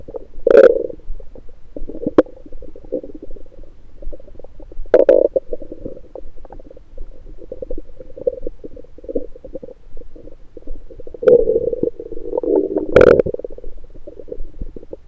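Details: Irregular gurgles and rumbles over a low steady background with several louder bursts, recorded in the morning with an electronic stethoscope over the abdomen after breakfast; normal active bowel sounds.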